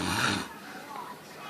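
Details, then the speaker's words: Sleeping adult husband gives a single loud rattling snort on an in-breath, then quiet breathing: snoring. "this is how you stop your husband from snoring do you have problems with a snoring husband I got the trick watch this"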